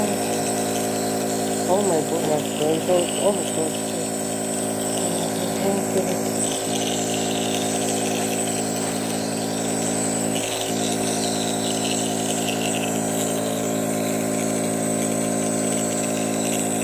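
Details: Steady mechanical hum of a newly bought home nebulizer compressor running, with brief background music and voices early on; nebulizer compressor running.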